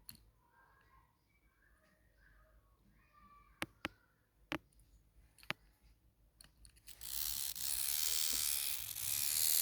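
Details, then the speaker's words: Handheld digital blood pressure monitor under repair after showing an error: button clicks, then steady loud buzzing hum as the pump motor runs on a temporary wiring connection after pressing start. "you can see the pump is running okay the pump is running"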